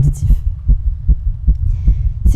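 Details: Female heartbeat, rapid low thumps about 150 per minute with a closely spaced early pair suggesting skipped beats; fast irregular heartbeat.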